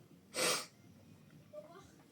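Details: Sneeze from an adult woman who is ill and exhausted.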